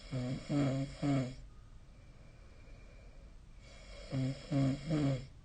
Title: 🐽 本日のイビキ / Snoring Sleep Sound 2025/02/07